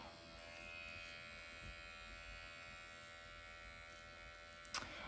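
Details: MD Needle Pen microneedling on face at 1 mm depth under strong numbing ointment, forehead then eye area, mild erythema, painless: steady high-pitched electric buzzing in a quiet room.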